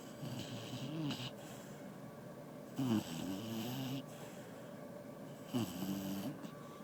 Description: The dog sleeping and snoring.